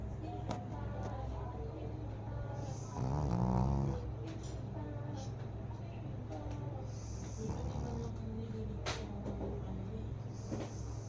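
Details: Pug snoring: rhythmic low rattling snores from a small flat-faced dog, with a louder, rougher snore partway through, over a steady background hum.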